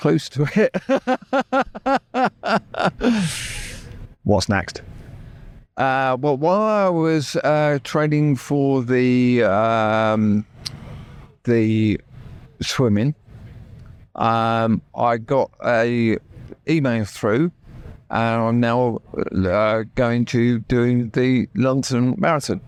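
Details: Real adult man with persisting aphasia after a near-fatal stroke that paralysed his right side; he had to relearn speech, leaving hospital able to say only three words, and still knows what he means but the words come out differently.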